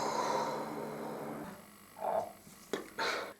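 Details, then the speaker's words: Person with lifelong retrograde cricopharyngeus dysfunction (no-burp), unable to belch, with gas trapped in the esophagus: after steady room hum, brief low gurgling croaks from the back of the throat that are not burps. "there's a massive bubble of gas trapped in my esophagus all the time and it can basically make this horrible croaking sound which isn't a burp it's just this noise of here listen to this"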